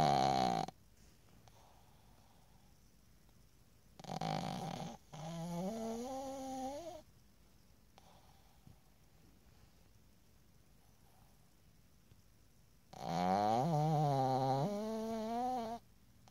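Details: Sleeping pug snoring: loud, rattling, wavering snores, about three over sixteen seconds, with quiet gaps between them.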